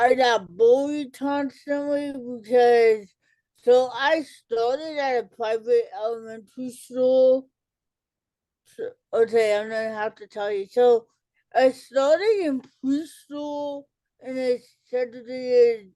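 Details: Dysarthria in an adult woman with cerebral palsy, an educator and author, who says listeners may not understand her and that she talks differently.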